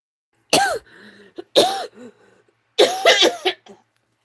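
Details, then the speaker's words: Adult during a livestream gives three sharp coughs followed by a short raspy throat-clearing burst, in a quiet room; cough and throat clearing. "I'm going to have to go on mute for a minute cuz I got a coughing throat here thing."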